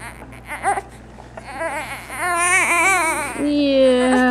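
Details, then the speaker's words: 6-week-old baby boy in a swing, fighting sleep: fussing whimpers building into a loud, wavering, tonal cry; ordinary infant cry. "thank you why are you crying why why are you crying honey you need to see our face"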